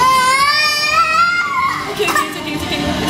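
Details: Baby crying after sneezing, recently had flu that may be returning: high, rising, wavering cry breaking into fussing, with soft background music.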